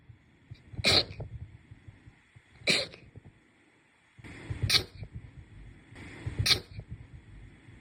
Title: sneeze 91-100